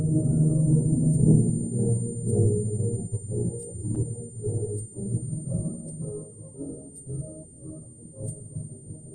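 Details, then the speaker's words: Simulation of Beethoven's music as he heard it before total deafness: high-frequency hearing loss (low-pass filtered) combined with loud, constant tinnitus. "Let me give you an example of what this frequency loss and tinnitus together would sound like to Beethoven. So now this is what Beethoven's music would sound like to Beethoven before he went completely deaf."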